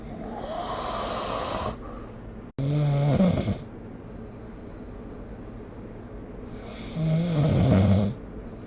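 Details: Snoring during sleep, recorded with the SnoreLab phone app: three loud, rattling, low fluttering snores in about nine seconds, separated by quiet pauses over a steady background hiss.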